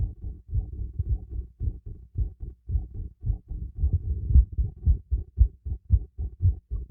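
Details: Heartbeat recorded through a stethoscope during a light workout: regular low thumping at about 113 beats a minute, a normal heart rate raised by exercise.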